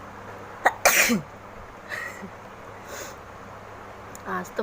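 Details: One forceful sneeze, then softer sniffs and breathy sounds against room noise, from a woman doing a deliberate sneezing challenge with handkerchief blowing, who says tears came.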